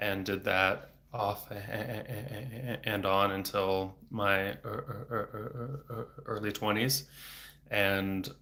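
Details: Stuttering in a 34-year-old man, a speech-language pathologist, stuttering since age eight (about 26 years); he had speech therapy off and on until his early 20s and speaks without fluency strategies; frequent repetitions and blocks.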